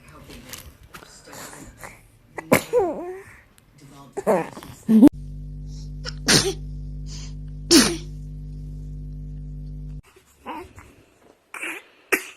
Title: Cutest BABY 2019 Sneezing Moments - FUNNY 2019 BABY 2019 Video